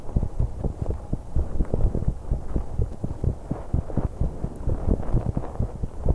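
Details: 21-year-old female on an exercise bike, recorded to capture breathing with much noise: heartbeat and breathing sounds during exercise.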